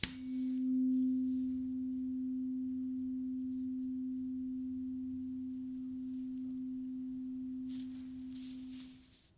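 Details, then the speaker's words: Acted ASMR ear-exam roleplay, last tuning fork, listener eyes closed, saying when the sound stops: steady pure ringing tone slowly fading over about nine seconds. "Now the last tuning fork. Keep your eyes closed for me and just tell me when the sound stops."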